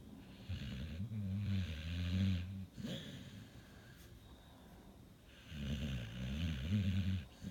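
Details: A sleeping Pit Bull with sleep apnea and restless leg syndrome snoring: low, rumbling snores with long fluttering breaths and quieter pauses between them.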